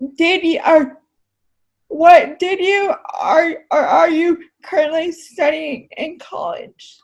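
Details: Adult woman with cerebral palsy who uses a wheelchair; speech in cerebral palsy (possible dysarthria), no specific speech disorder named.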